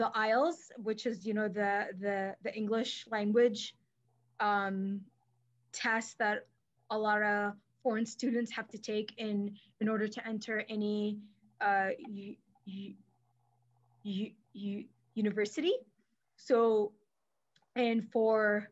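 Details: Adult woman who stutters and is a speech-language pathologist, with silent blocks when younger and later fillers, and past covert stuttering periods; here part-word and whole-word repetitions, showing stuttering.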